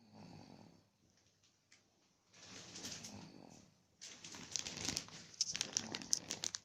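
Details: Infant snoring during sleep: soft, rough, noisy breaths with some whistly sounds.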